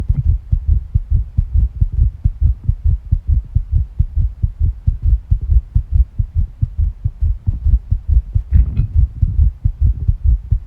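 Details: Heart sounds recorded alongside stomach sounds during tachycardia: rapid, regular low heart thumps at about 140 a minute, heart rate increasing.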